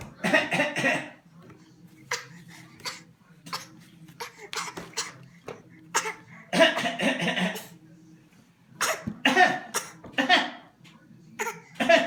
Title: Henry coughing